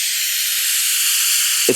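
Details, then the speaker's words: Oxygen leaking from a portable oxygen tank whose regulator is fastened off-center and not properly seated, heard when the tank is cracked open during EMT training. Loud, steady whooshing hiss of escaping gas. "So when they go to crack the tank open to see how full it is, you're gonna hear this loud whooshing sound."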